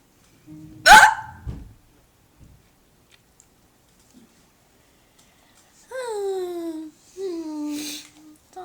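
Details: Hiccups during a bout lasting several minutes after eating Chinese food: a sharp, abrupt hiccup burst, then two drawn-out voiced sounds with a falling pitch.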